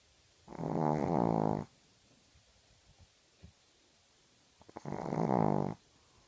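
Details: Sleeping dog snoring: two long, buzzy, rattling snores about four seconds apart, with quiet pauses between them.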